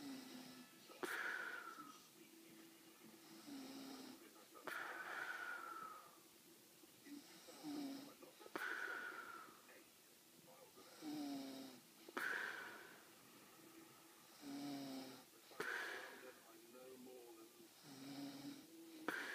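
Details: Snoring from a big man, called a whispering snore: breathy, whistling, whispery, high-pitched sounds repeating about every four seconds, roughly 17 breaths a minute.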